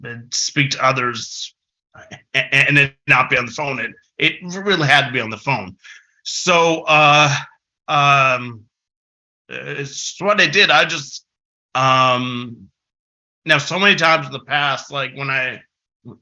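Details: Adult man who has stuttered since about age six, a long-standing stutter he once tried to fix but now accepts; stuttering.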